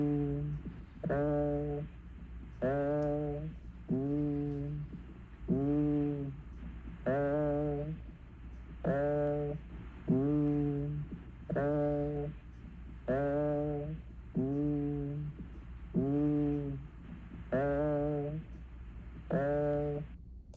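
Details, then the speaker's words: Reference-library recording of egophony: muffled vowel sounds with the normal "E", then the abnormal "A" heard over lung consolidation or effusion, then E and A alternating as in side-to-side chest comparison. "First you will hear the healthy or normal sound as e followed by the abnormal a sound. And finally you will hear the e and a sounds alternating as you would in oscultating a chest in a side to side fashion for comparison."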